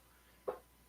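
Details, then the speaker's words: A single faint, brief sneeze, apparently from a small dog: a short, soft puff of air in a quiet room, heard over casual talk. "sneeze. I don't know if you guys could hear that."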